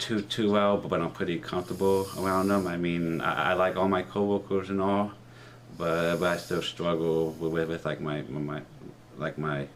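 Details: Stuttering in a 30-year-old man, present since he began talking as a child, with articulation trouble on R and O sounds; speech therapy in middle and high school; worse with new people and anxiety.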